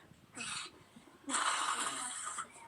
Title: FaceTime laughing/wheezing fit